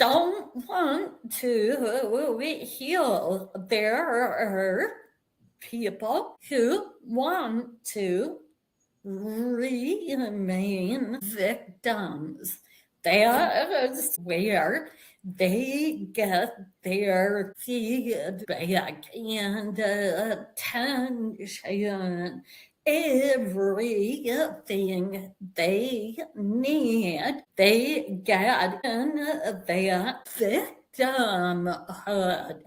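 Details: Adult woman with a vocal tremor that she attributes to over 50 years of narcissistic abuse and trauma beginning at age five, manifesting after decades of abusive relationships; vocal tremor.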